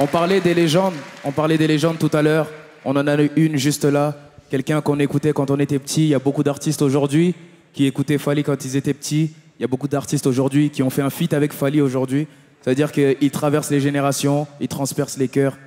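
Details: Adult male speaker; normal speech.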